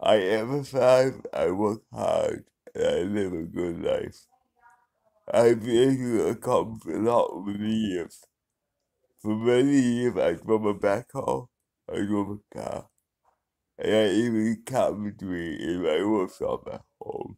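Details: Dysarthric speech in an adult man who has had cerebral palsy for 35 years.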